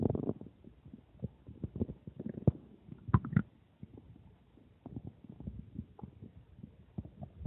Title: Stomach growling after drinking water